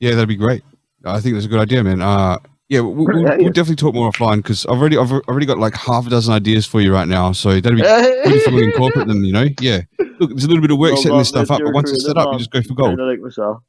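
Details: Adult man speaking; Normal speech.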